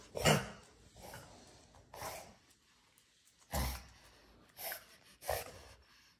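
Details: A dog gives about six harsh, forceful coughs in quick succession in a small, quiet room; the owner calls it bad coughing and urges the dog to drink water.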